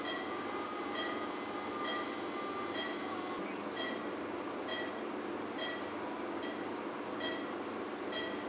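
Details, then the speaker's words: 65-year-old man with pseudoexfoliation and non-dilating small pupil, cataract surgery after stretch pupilloplasty: steady hiss with short beeps about once a second during nucleus fragment removal; phacoemulsification machine sound. "i'm going to change the settings to quadrant removal mode and i'm going to remove these fragments out of the bag and emulsify them subsequently the second hemenuclease is divided into smaller fragments and all the fragments are then emulsified"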